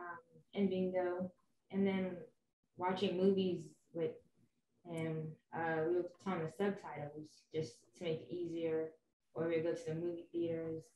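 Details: Young woman speaking; normal speech.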